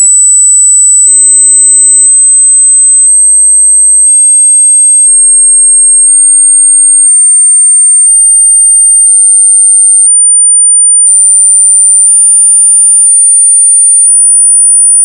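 Steady very high-pitched pure tone stepping slightly higher each second; hearing-test tones, where hearing the highest steps suggests younger ears.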